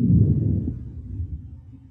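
Soft, low rustling breath noise over the back that fades away; normal vesicular breath sounds from a simulator.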